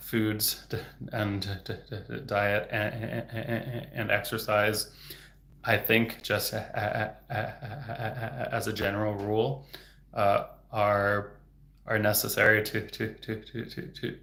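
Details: Adult man who stutters, a speech-language pathologist, who reports getting stuck on words; stuttering.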